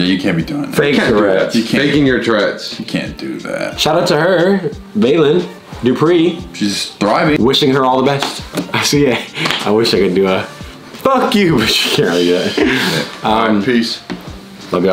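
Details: Adult male speaker; ordinary speech.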